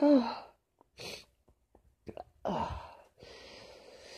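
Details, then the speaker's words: Adult with a sneezing fit from cold remnants plus allergies, lingering nasal tickle and hoarse voice: forceful sneeze with quick in-breath, short clicking catches, then a long breathy exhale. "It does feel good to get them out, and there is still quite a tickle though. Oh, fucking sneezing fits."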